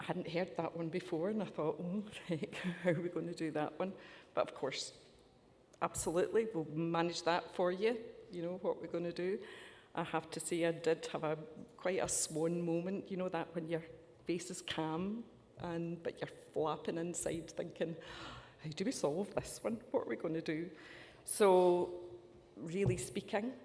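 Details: Adult woman speaking; typical speech.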